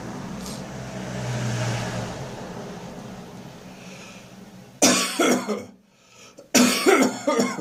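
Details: Traffic rumble, then two bouts of harsh, retching coughs with gagging from an adult with a lingering, persistent cough.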